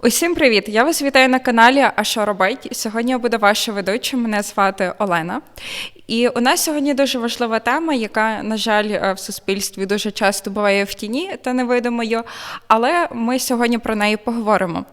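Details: Adult woman; Normal speech.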